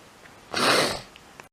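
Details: A single sudden, explosive, hissing sneeze, part of a bout of repeated sneezing.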